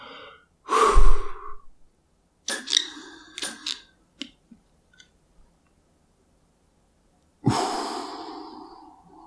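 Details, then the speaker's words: Adult man, formerly asthmatic, demonstrating metered-dose inhaler technique with a 200-microgram salbutamol (Salamol) inhaler, used preventively for tren cough: long exhalation, clicks and hissing puffs, then a long slow breath out. "um and this gives you 200 micrograms of uh salamol which actually acts as a Vaso dilator in the bronchial tubes"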